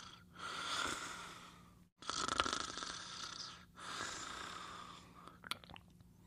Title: Caesar Sleeping and Snoring in 31 Seconds